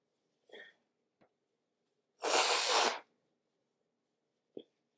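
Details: Morning sneezing in a sniffly person during cooler weather, some sneezes induced with tissue: a brief inhaled catch, one loud explosive sneeze, then a small sniff.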